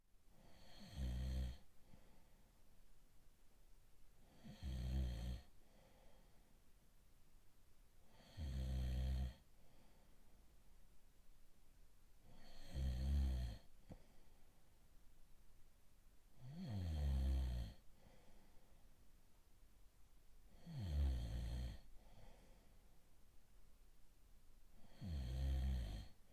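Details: Snoring in a boyfriend-themed sleep ASMR short: regular low rumbling snores, about 15 a minute, on each breath in, with quiet pauses between.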